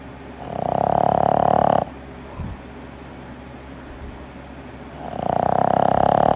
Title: Loudest snoring ever! #bostonterrier #snoring #dogs